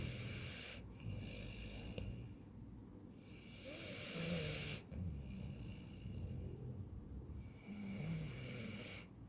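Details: Close, soft snuffling snores with an airy hiss and uneven rhythm, from a pet sleeping right by the ear and microphone: snoring.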